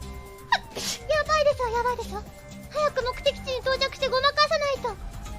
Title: - Sneeze TSKR desuwa 🙏 [NIJISANJI ENG SUB]